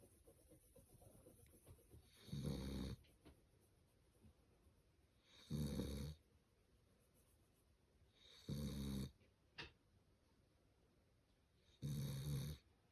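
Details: Sleeping dog: four regular low, rumbling snores about three seconds apart, roughly 19 a minute, very loud; snoring.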